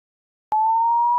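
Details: A steady mid-pitch pure tone starts abruptly after half a second of silence and holds, offered as a hearing test tone for World Hearing Day.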